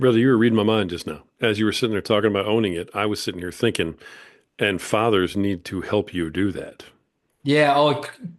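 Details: Adult male speaker; typical speech.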